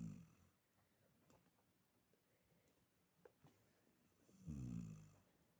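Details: Older female dog with incurable pemphigus foliaceus and a surgically removed carcinosarcoma, sleeping deeply: two low snoring breaths with quiet breathing and faint clicks between; snoring.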